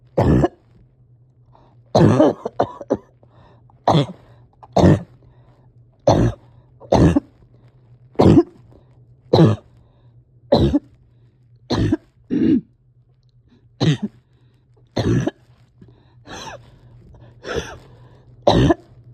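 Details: Person at home having a hard time resting or getting comfortable: about fifteen separate harsh coughs over twenty seconds, some with throat clearing, against a low hum; frequent coughing with effortful breathing.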